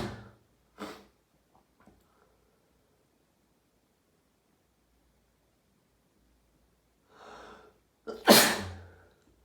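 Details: Daily sneezing fit after showering, second half of the fit: quiet breaths and sniffs, then an in-breath and one loud explosive sneeze.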